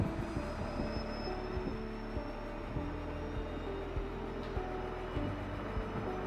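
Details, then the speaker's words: Airway clearance high-frequency chest wall oscillation vest demonstrated at setup, pulsating once set pressure is reached: steady low mechanical hum with rapid pulsing thumps and a faint motor whine. "When the set pressure is reached, the vest starts pulsating, which creates vibrations on the chest wall of the patient."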